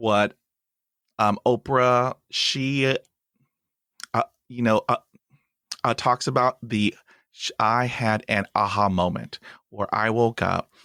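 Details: Stuttering in an adult host of a podcast by and for people who stutter.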